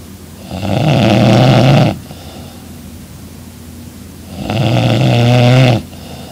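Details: Young woman snoring loudly in her sleep beside her boyfriend: two loud, rough, buzzing breaths in about six seconds, each over a second long, with quiet gaps between.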